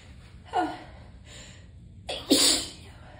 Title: Tickly sneezing fit